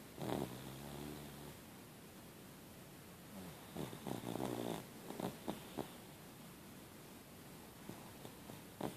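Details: Soft, buzzing snoring breaths in repeated bursts from Zoe, a sleeping pet, with steady background hiss; snoring.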